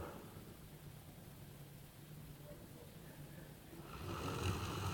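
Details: Dog snoring: a steady low, buzzing rattle on each breath, with room noise rising at the end.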